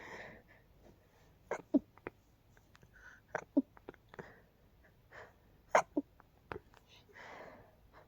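Short, suppressed bursts with sharp breath catches and soft exhales: several stifled, quiet sneezes.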